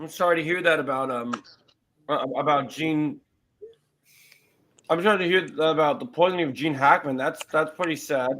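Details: Adult speaker; fluent conversational speech.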